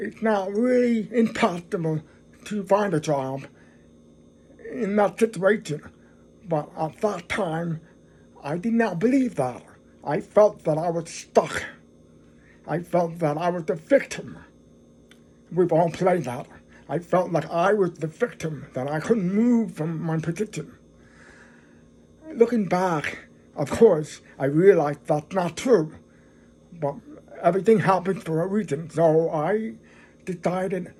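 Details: Adult man who is deaf, speaking English; deaf speech.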